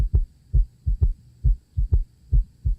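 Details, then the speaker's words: Simulated VR patient with fluid volume overload (RR 28, HR 104, low O2 sat, 3–4+ bilateral pitting edema): low-pitched three-beat gallop at about 65/min, an extra S3 sound. "and then listening to his heart I can hear an extra S3 sound which is typical for patients that have um fluid volume"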